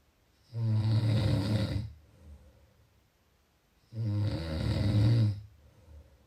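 Two loud, low, rumbling snores on breathing in, each about a second and a half long, with quiet gaps between: snoring.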